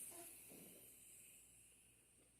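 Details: Manual blood pressure measurement on a relaxed, rested patient, arm supported, after inflating past pulse loss: steady hiss of air slowly fading as the cuff deflates; demonstration.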